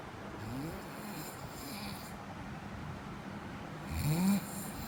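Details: Snoring during sleep: low rattling snores with a short snort near the end, over steady room hiss.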